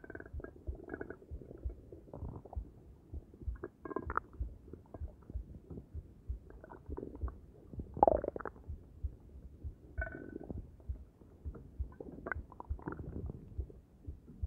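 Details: Adult's low, irregular stomach gurgling and rumbling after a meal of omelet, coffee and Arizona green tea; ordinary bowel sounds of digestion.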